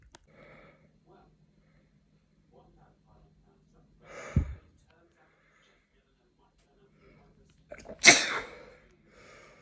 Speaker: Bless me. I told you I was gonna sneeze. Bless me. Bless me.